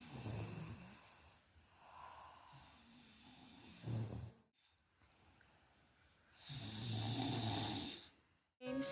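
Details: Person asleep at night: soft, low, rough snoring sounds recurring on breaths, with gentle breathing and quiet room noise between them; snoring.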